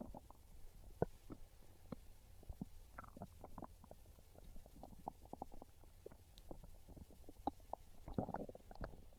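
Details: Soft irregular gurgles and low rumbles from the belly, described as real hungry stomach growls craving pizza; normal hunger borborygmi.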